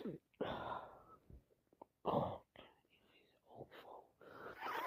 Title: So snotty , blowing my nose and sniffing this awful snotty cold out #commoncold #snotty #sniffles